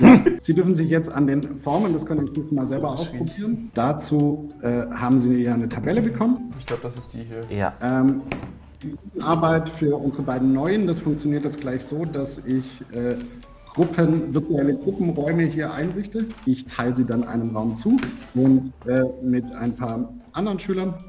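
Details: Adult male teacher; typical speech.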